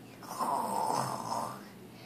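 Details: 4-year-old child imitating how family members snore: one drawn-out, rattly breath lasting over a second, in a quiet small room; simulated snoring.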